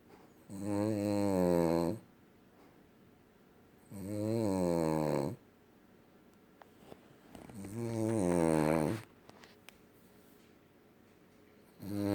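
Loud, long buzzing snores about 17 times a minute, separated by quiet pauses; snoring in a sleeping dog.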